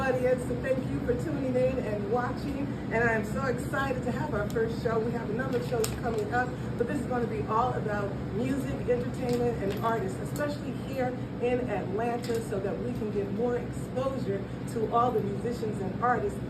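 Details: Adult female speaker; ordinary speech.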